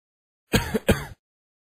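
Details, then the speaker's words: Two soft, low coughs without much force from a patient: a weak, feeble cough, the third cough example in a traditional Chinese medicine listening-diagnosis lesson. "第三个人的咳嗽是咳嗽声低无力那出现这些声音的改变说明了什么呢"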